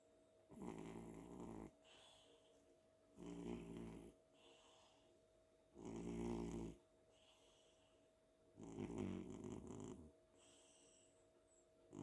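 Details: Cat asleep on a pillow after an active day at home: loud, rough, rattling snores on each in-breath with quieter out-breaths, about 20 breaths a minute. Cat snoring.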